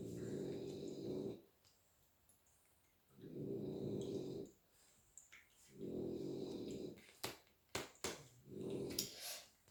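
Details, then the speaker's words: Loud, rumbling snores from three sleeping French bulldogs at home, about 22 a minute, with a few faint clicks between them; snoring. "Je suis désolée si vous entendez ronfler derrière. J'ai 3 bulldogs français à la maison. Et ça roupille dur là pour le coup. Donc ça ronfle."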